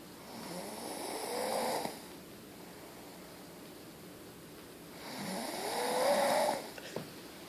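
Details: Two long, rattling snores about four seconds apart, with quiet breathing between them; ordinary snoring.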